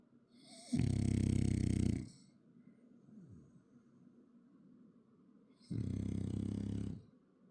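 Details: Snoring French bulldog: two loud, rough snores a few seconds apart with quiet breathing between.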